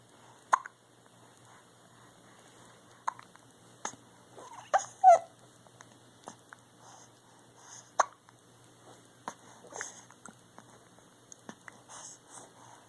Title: Baby noises & hiccups....